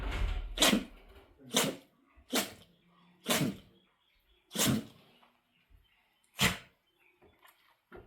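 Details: Dog indoors giving a run of about six sharp sneezes, at most about half a minute apart; owner notes this is new; repeated sneezing.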